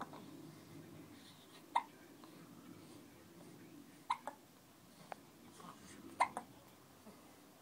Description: He gets the hiccups at least once a day. Hilarious.